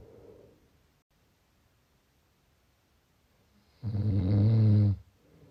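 One loud, low rattling snore on a breath, lasting about a second, with quiet breathing before and after; snoring.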